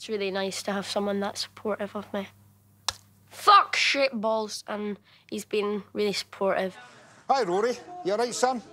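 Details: 12-year-old boy with Tourette syndrome, a genetic neurological condition, diagnosed in 2014, tics intensified after starting secondary school; tics shout insults and odd phrases; vocal tics with coprolalia (Tourette syndrome).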